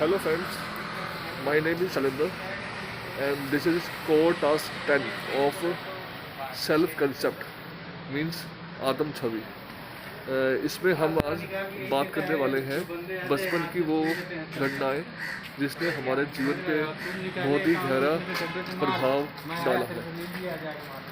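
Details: Stuttering in a man who stammers, a member of an Indian stammering association, recording an emotional-recovery course task.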